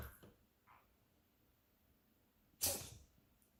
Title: Cat Makes Herself Cough - Weird!